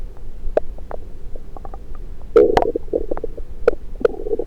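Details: Scattered gurgles and clicks heard through a stethoscope placed on multiple parts of the belly: ordinary active bowel sounds (borborygmi).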